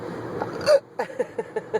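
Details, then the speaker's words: Adult with hiccups lasting about 12–13 minutes that breath-holding did not stop: a run of short, sharp, regularly spaced hiccups, about six in under two seconds. "we're still trying to get rid of these hiccups and um don't know what to do about them"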